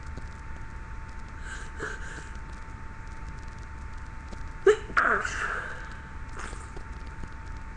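A brief, stifled sneeze burst over steady background hum, with soft sniffing around it.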